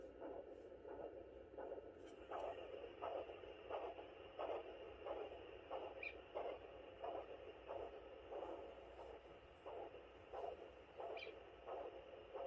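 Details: Maternal heartbeat on Doppler at 32 weeks of a fourth pregnancy: regular whooshing pulse beats at about 84 a minute, the mother's own heartbeat.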